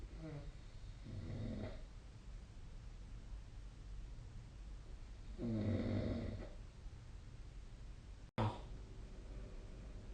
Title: 🐽 いびきの音 / Snoring Sleep Sound 2025/05/31